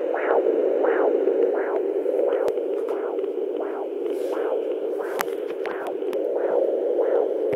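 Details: Fetal heartbeat at 11 weeks 2 days of pregnancy, recorded with a Doppler: rhythmic whooshing pulses over steady Doppler static.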